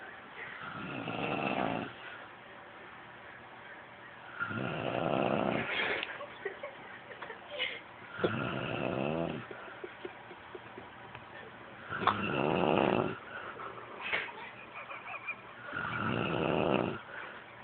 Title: Snoring momma!